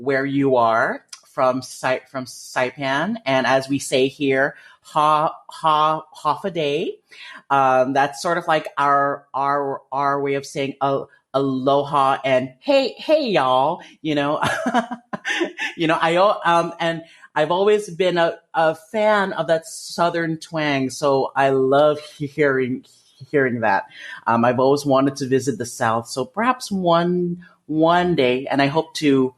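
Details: Stuttering with jaw locking and blocks in a 30-year-old man who has stuttered since about age 5; he believes it is developmental and genetic.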